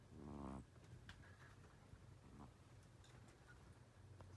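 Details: A 10-year-old Russian Blue cat napping gives a buzzing, rattling snore, then a fainter one, over low room rumble.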